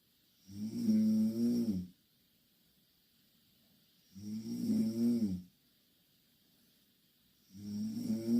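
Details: Two Korean girls snoring in the same bed: loud, rumbling snores on each breath in, about 17 a minute, with quiet pauses between; snoring.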